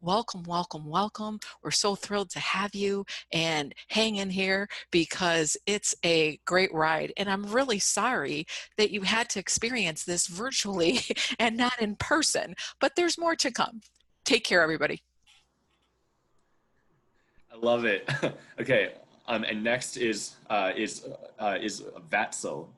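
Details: Real stuttering in a 27-year-old who self-identifies as a person who stutters.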